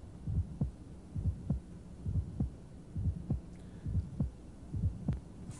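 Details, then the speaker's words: Aortic ejection sound at the apex in left lateral decubitus position: regular beats ~67/min with a crisp, high-frequency click just after S1 (after the QRS), best heard with the diaphragm along the left ventricular outflow tract. "heart sound was dull low frequency this is very discreet it's gonna be heard best with a diaphragm and it really may be heard anywhere a long left ventricular outflow tract"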